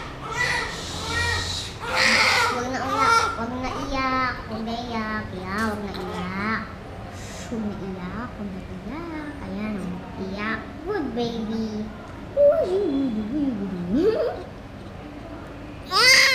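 Repeated high-pitched wavering infant cries with brief pauses between; a healthy-sounding newborn cry.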